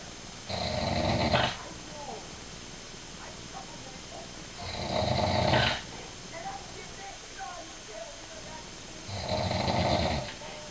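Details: An adult father snoring: three loud, rough snores about four to five seconds apart with quiet breathing between; ordinary sleep snoring.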